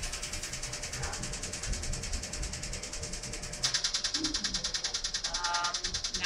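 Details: Rapid regular clicking pulse train from a transcranial magnetic stimulation coil, about 200 pulses a minute and louder in the second half, during a first full TMS session for treatment-resistant depression. The patient reports pressure behind the eye. This is a normal device sound.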